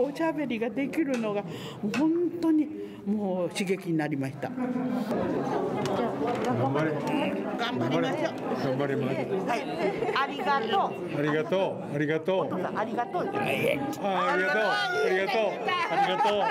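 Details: Woman with aphasia who can produce only single words and cannot yet hold a conversation, repeating one word many times in Japanese; aphasia.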